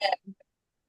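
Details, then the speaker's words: Coughing from a person on a remote meeting call. "Hey, hey, I'm sorry, hey, I keep coughing."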